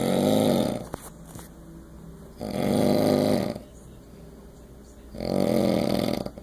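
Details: Regular snoring: three loud, low, rattling snores, one on each in-breath, at about 22 a minute, with quiet breathing between them.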